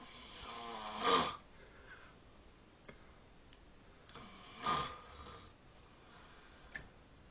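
Two loud, rough, rattling snores with quiet breaths between them, about 17 a minute, in a quiet room: ordinary snoring.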